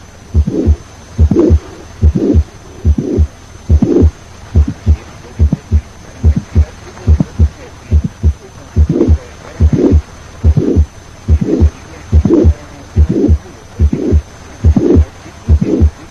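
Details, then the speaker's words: Mitral valve prolapse with mitral regurgitation, teaching recording: regular heartbeat near 71 a minute with a mid-systolic click followed by a soft late systolic murmur. "Mid-systolic click. It may be accompanied by a late systolic tremor due to mitral regurgitation."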